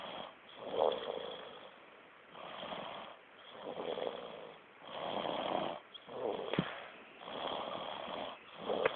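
Steady rattling snoring on each breath, about 20 breaths a minute, with louder vibrating peaks on inhalation.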